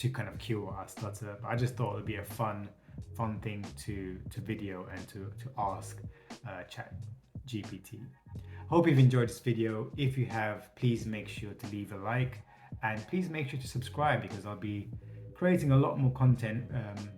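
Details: Adult male who states he has a stutter; finding: stuttering.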